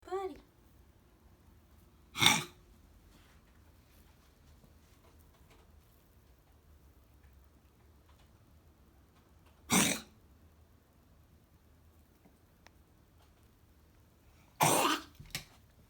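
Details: Cat with slow-resolving cold, normal X-ray, later found to have Mycoplasma felis lung infection: three short, sharp expulsive bursts, the last doubled, in a quiet room; coughing and sneezing.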